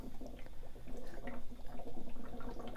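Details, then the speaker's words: Chest drainage system in a set-up demonstration: soft, steady bubbling at a gentle boil in the suction control chamber, the level of suction that is needed. "something along the lines of a gentle boil is really all you need for the section control chamber"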